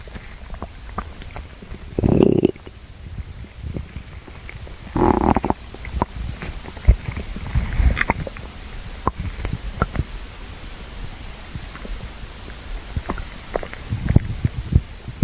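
Low gurgling and rumbling bowel sounds with scattered pops, a normal hungry stomach growling.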